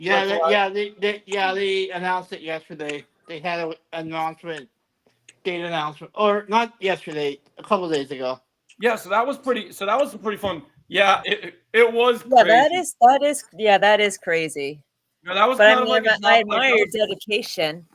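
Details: Adult male podcast guest practicing reading aloud, including DC comic books, to improve his stuttering and speech; stuttering.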